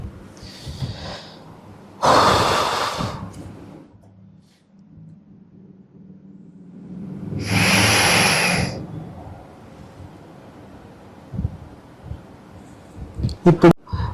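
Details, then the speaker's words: Dry powder inhaler technique demonstrated by a pulmonologist: a breath out through the mouth, then a strong deep breath in through the mouthpiece held between the teeth with head tilted back, then a quiet breath-hold of about 5–10 seconds. "మనం నోటి ద్వారా గాలి బయటికి వదలాలి తర్వాత మనకి inhaler కి mouth piece అనేది ఒకటి ఉంటుంది అది మన పళ్ళ మధ్యలో గట్టిగా బిగించి పూర్తిగా పెదాలతో కవర్ చేయాలి దాన్ని తర్వాత మీ తలని వెనకాలకి వాల్చి మీరు గట్టిగా గాలి తీసుకోవాలి"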